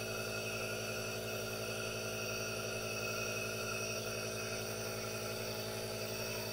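Steady mechanical hum with a continuous hiss and faint fast pulsing from a running aerosol nebulizer.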